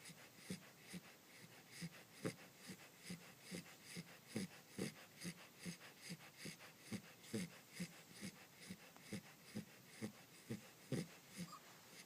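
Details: Corgi puppy snoring in sleep: soft, regular snuffling snores at roughly 140 a minute in a quiet room, ordinary sleep snoring.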